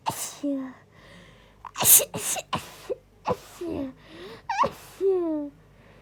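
A rapid run of about five forceful sneezes, each preceded by a sharp voiced intake of breath.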